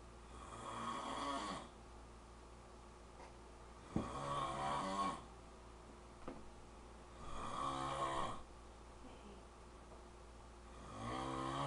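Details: Man snoring very loudly: rough snores on each breath in, about four in twelve seconds, with quiet pauses between and a steady room hum; snoring.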